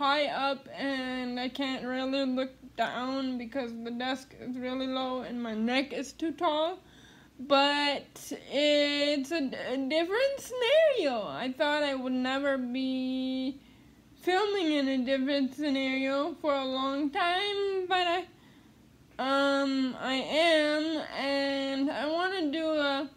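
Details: Dysarthria in an adult woman with cerebral palsy who attends speech therapy.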